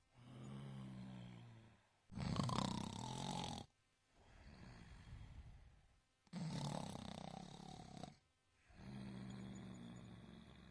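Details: Sleeping tiny kitten snoring like a tractor: surprisingly loud, rough snoring with rasping breaths in and softer rumbling breaths out.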